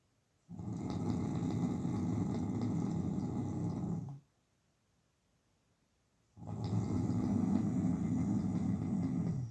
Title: Man Snoring Loudly - Homme ronfle fort